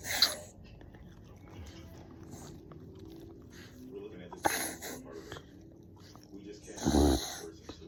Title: Anyone else’s dog do this?? reverse sneeze #sneeze #dogs